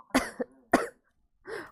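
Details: Woman with a bad common cold, sore throat and lost voice: two sharp coughs close together, then a short hoarse voiced sound.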